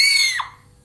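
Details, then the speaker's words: Chicken sneeze: a brief, high-pitched squeaky burst like a startled squeal. Chickens may sneeze with a cold or when dust or pollen enters the airway. "누가 꼬집었나 싶은 이것은 바로 닭이 재채기하는 소리로 놀랍게도 닭도 사람처럼 재채기를 하며 감기에 걸렸을 때나 먼지나 꽃가루가 호흡기 안으로 들어갔을 때도 가끔씩 재채기를 한다고 해요"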